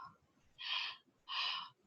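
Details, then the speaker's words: Normal vesicular breath sounds heard through a stethoscope placed over several lung regions during a physical examination demonstration: two soft, breathy airflow sounds, one per breath. "nós entregamos aos cultos em vários várias regiões nos pulmões para verificar a presença de gorgulhos vesiculares que é o som da respiração"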